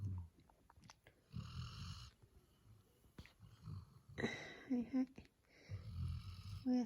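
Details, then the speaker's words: 8-month-old male black Labrador Retriever puppy snoring while asleep: soft, irregular snoring breaths with a few faint squeaky noises in a quiet room; puppy snoring. "ど真ん中にさ、俺寝るスペース。しかもさ、いびきが出るしな。"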